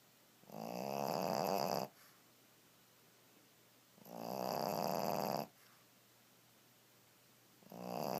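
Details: Pekingese napping on a bed snores in loud, rattling bursts about every three to four seconds.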